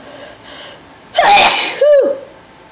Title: very intense sneezing